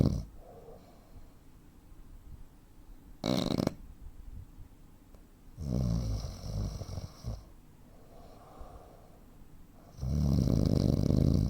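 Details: 43-year-old man, 85 kg, 165 cm: deep, rough snores at uneven intervals separated by quiet stretches, real-life snoring with breathing pauses typical of sleep apnea.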